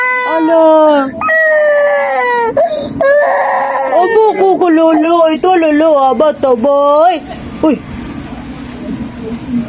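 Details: Crying baby in loud, clear wails breaking into shorter sobbing cries, then stopping, leaving quiet room noise; ordinary infant crying.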